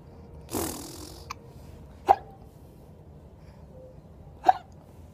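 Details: Hiccups: short, sharp hiccups after an opening breath, about every two to three seconds, heard as sudden catches in the throat.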